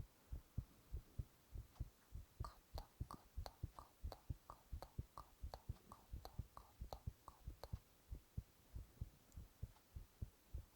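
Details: Male ASMR performer recording his own heartbeat while whispering onomatopoeia: steady paired low lub-dub thumps with faint whispering; regular, normal heart sounds.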